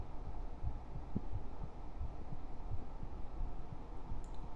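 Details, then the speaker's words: Calm, regular heartbeat recorded with a 3Dio binaural microphone during an ASMR stream: soft, steady low thumps under a constant hum; normal heartbeat. "I feel so calm do the sound of my calm heartbeat make you feel calm as well"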